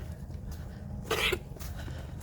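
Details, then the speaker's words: Boer goat gives one short harsh cough over low rumbling noise; owner suspects powdery feed or weather changes, herd all coughing. "So, I don't know if you can hear her coughing. But also this feed that we're getting down to the last bit of it, and when we do, it has a lot of powder in it. And so they do cough on the powder."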